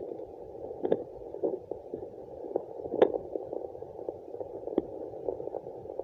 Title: Fetal Doppler placenta sound2